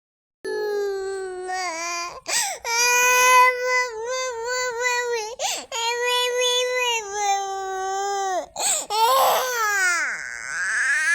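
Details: Long wailing cries broken by sharp breaths in from an infant (Flora) sick with fever, swollen eyes, a cold and a cough: infant crying.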